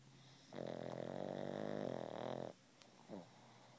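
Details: Pug asleep and twitching, apparently dreaming, gives a single long, buzzy, droning snore followed by a brief high squeak: snoring.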